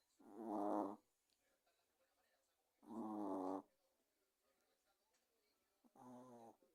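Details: Soft, buzzing snores repeating about every three seconds in a quiet room; snoring during sleep.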